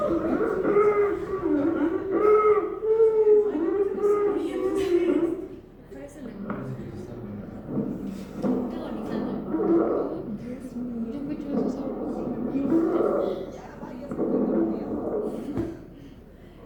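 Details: Harsh, high-pitched musical breath noise repeating with each breath, loud without a stethoscope: laryngeal stridor, a sign of a narrowed upper airway, played as a teaching example in a respiratory physiology practical class.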